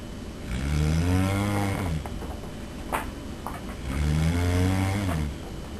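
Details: Person asleep, recorded by a roommate: two loud, low, rattling snores on the in-breath with a quiet pause between; heavy snoring.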